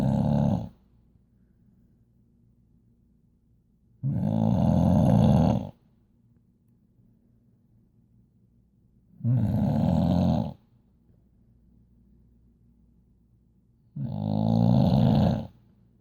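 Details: Female Boxer dog asleep on a couch, snoring: four loud, rough, low rumbling snores, each one to one and a half seconds long, roughly every five seconds.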